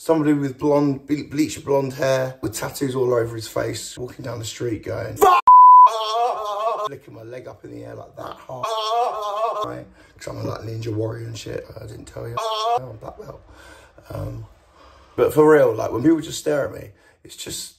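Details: Male with Tourette syndrome, a neurological condition causing involuntary twitching, shouting, strange noises and often inappropriate language or swearing, which he cannot control; Tourette syndrome vocal tics.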